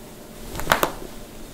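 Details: Joint cracking (cavitation) from a compilation of toe, knuckle, neck, back and ankle cracking: two or three quick sharp pops over steady room hiss.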